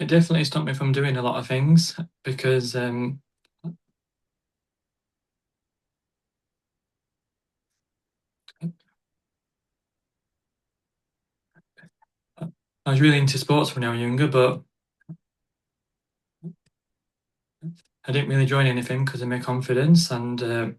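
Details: Adult stuttering advocate speaking in an interview with frequent blocks and long pauses; stuttering.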